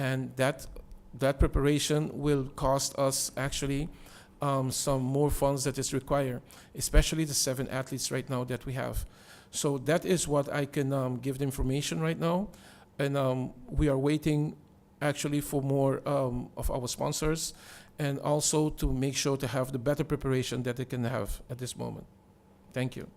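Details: Adult man speaking; Normal voice.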